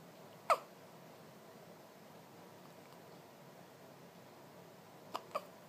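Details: One-day-old baby girl with hiccups: three brief, sharp catches in a quiet room, the last two close together.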